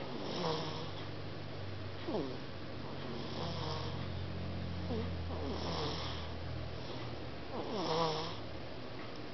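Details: Baby snoring during sleep: soft, repeated snuffly nasal snores with gentle rising squeaky tones, about four over nine seconds.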